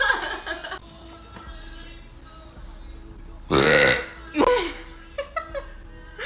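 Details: Woman burping on purpose, one after another: a few loud, drawn-out belches with quieter ones between, over background music and some talk; repeated burping.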